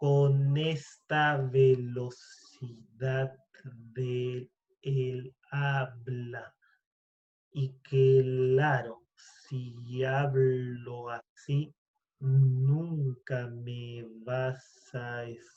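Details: Adult man who stutters, speaking Spanish in a podcast conversation; stuttering.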